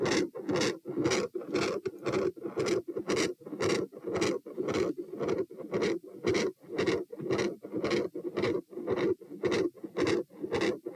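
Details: Auscultation stress test at position P, 90-126-72 bpm across sitting, standing and lying: machinery-like heart murmur, described as intermittent, with loud S2.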